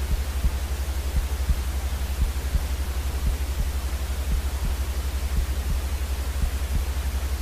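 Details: Heartbeat sound for soothing colicky, crying infants: steady, fast double thumps about 85 to 90 a minute under a constant white-noise hiss.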